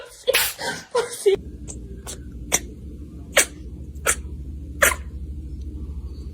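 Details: Cats and kittens sneezing: a few loud sneezes, then a run of small, sharp kitten sneezes over a steady low hum; ordinary cat sneezing.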